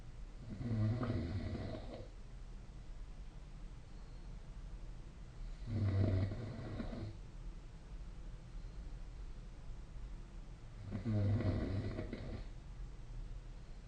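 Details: Snoring during sleep, recorded with the SnoreLab snoring app: low, rumbling snores repeating about every five seconds, roughly 11 a minute, over steady room hum.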